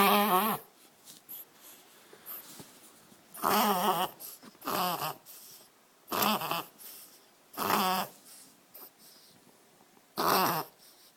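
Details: Reverse sneezing episode in a dog: six loud, honking, snorting inhalations in quick bursts with short quiet gaps; owner says it is easy to stop.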